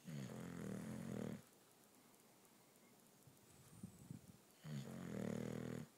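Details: Two long, rough, rumbling inspiratory snores separated by a quiet pause, from a sleeping female English Bulldog, a habitually loud snorer; snoring.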